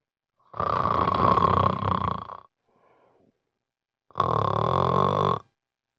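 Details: Severe obstructive sleep apnea: two very loud, harsh, rattling snores separated by a quiet pause; extremely loud snoring disturbing family members.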